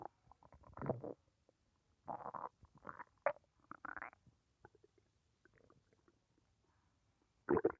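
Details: Irregular gurgling and rumbling bursts from the abdomen while digesting lunch of rice, beans, pork and chicken, also felt by hand. Normal bowel sounds.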